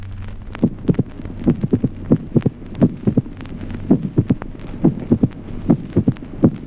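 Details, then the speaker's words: Mitral opening snap with a long interval in slow atrial fibrillation: irregular rhythm near 70 a minute, each beat followed by a crisp extra click after the second heart sound. "ejemplo 16to chasquido de apertura mitral de Gran intervalo en la fibrilación lenta"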